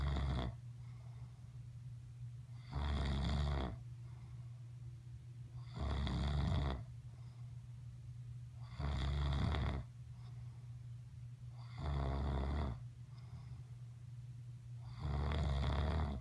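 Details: Adult man (a father) snoring: deep, regular snores on each breath in, about 19 a minute, with quiet pauses between and a steady background hum.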